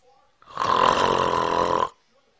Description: Check out the priceless reaction from this adorable 2 months old baby after hearing dad snore for the first time.